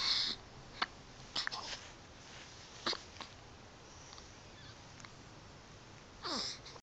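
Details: Daughter with hiccups: soft, sharp hiccup clicks recur every second or two, with a breathy hiss at the start and end.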